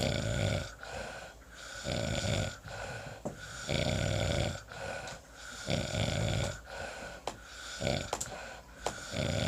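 Rough, rattling snores with each in-breath, about 15 breaths a minute, separated by quieter out-breaths; ordinary snoring.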